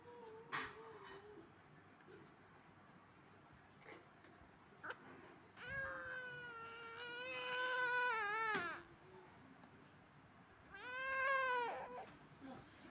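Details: One-month-old infant between sleep and crying: soft whimpers, then two rising, wavering cries with quiet pauses between; ordinary newborn crying.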